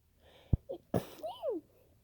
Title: loud uncovered sneezes